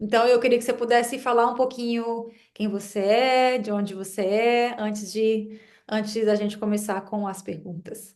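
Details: Portuguese-speaking woman who stutters; stuttering.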